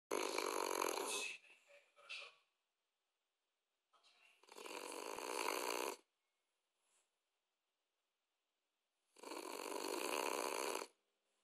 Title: Sleeping Snoring French Bulldog